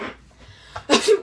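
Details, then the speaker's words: Brief indrawn lead-up followed by one sharp explosive sneeze, an imitated normal baseline sneeze; sneeze. "one the normal this one we're just gonna be our baseline it's an average lead-up an average exhale or explosion of snot and some would call it it's just it's just a normal"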